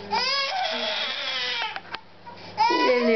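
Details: Baby girl crying for her bottle while it was warmed because it was too cold: loud, rhythmic wailing bursts with a brief gasping pause, a hunger cry that stops once she gets the bottle.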